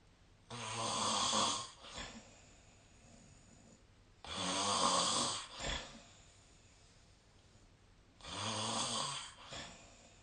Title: 🐽 本日のイビキ / Snoring Sleep Sound 2025/03/20